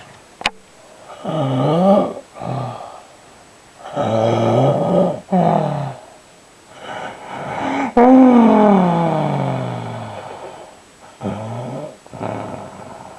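Loud, deep, rattling snores with each breath, some long and drawn out, over about thirteen seconds of sleep breathing.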